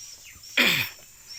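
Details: Respiratory rattle (snoring, "ngorok") in an Indio Gigante chicken on about day five of garlic and tetracycline treatment: a single harsh, wet, rattling breath noise.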